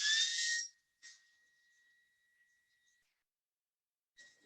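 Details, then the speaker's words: Thin, steady high-pitched whine with short hissing bursts at start and end: orbital atherectomy device restarted after a pause, during multivessel PCI in a 51-year-old man with radiation-induced coronary artery disease and non-STEMI. "then after 10 seconds or so you can restart again I want to make sure to get that bend to have good expansion afterwards here we go"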